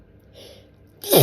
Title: Dusty hitchy tickly sneezing fit